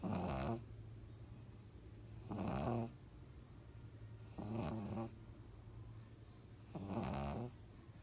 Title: Beasley the Pug Snores